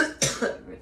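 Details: Woman coughing after smoking, from a compilation: two short, harsh coughs in quick succession; an irritant cough after inhaling smoke.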